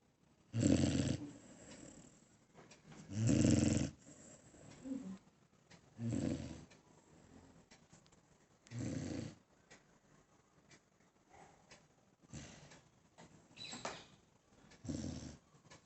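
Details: Dog sound asleep and fully relaxed, snoring: rhythmic low rumbling snores, irregular in strength, about 22 a minute; ordinary snoring.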